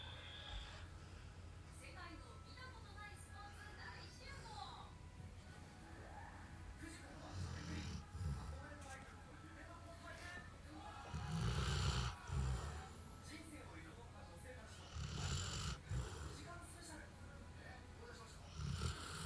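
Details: Low rumbling snores from a sleeping yellow Labrador Retriever dog, partly masked by television speech and music in the background; snoring.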